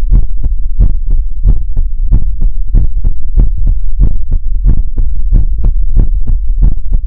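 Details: ASMR livestream heartbeat sound effect: loud, fast, deep thumping beats in close pairs, regular, roughly 130 to 140 beats a minute.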